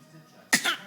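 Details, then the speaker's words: Young child, after a quiet pause, gives a single short, sharp pretend cough while an adult jokes about the "bad cough"; voluntary (fake) cough. "oh oh oh bad cough you got bad cough let me see the poor baby got bad cough"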